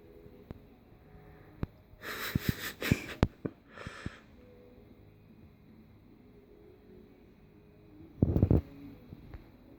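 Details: Crested gecko gasping: brief hissy, sniff-like bursts of air consistent with laboured breathing.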